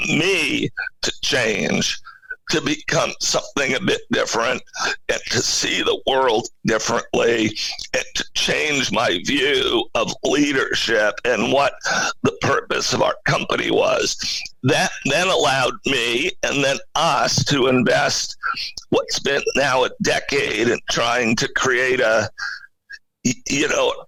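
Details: Adult male CEO with spasmodic dysphonia, a rare neurological voice disorder affecting only speech, with no known cause and no known cure, acquired in 2010; finding: spasmodic dysphonia.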